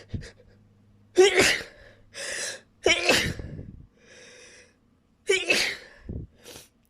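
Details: A sneezing fit: several forceful sneezes in a row, each preceded by a sharp intake of breath.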